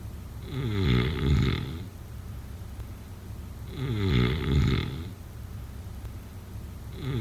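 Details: Snoring.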